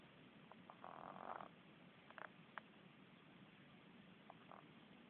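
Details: Soft, irregular snorting snores over a steady low hum from Christopher, a sleeping pet who sleeps with his eyes open; snoring.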